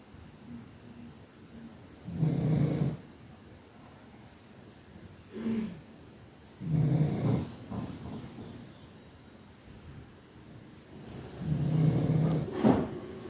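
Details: A pug dog snoring: snoring.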